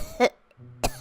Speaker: I'm trying to watch TV here and you're coughing up a fur ball. You're not even covering your mouth.